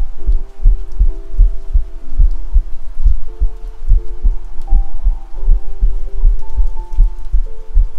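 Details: Self-recorded ASMR heartbeat captured with a 3Dio binaural microphone: steady low thumping at about 78 beats a minute with faint background hum; normal heart sounds.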